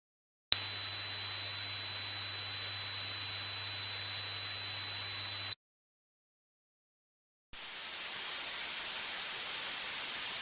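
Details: Simulated tinnitus: a steady high-pitched tone over hiss, then silence, then a second hissing ringing sound.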